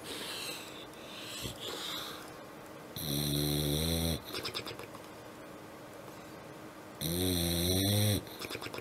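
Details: Loud, rhythmic animal snoring: two long rattling inbreaths about four seconds apart with quieter breathing between; snoring.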